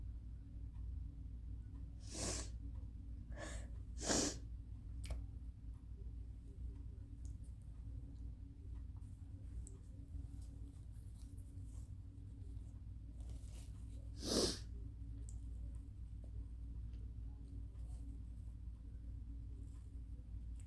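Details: Person recently recovering from a cold, with an itchy nose all day: three short, stifled, induced sneeze bursts, one not fully released, plus a phlegmy, wet cough, over a low room hum; wonders if getting sick again.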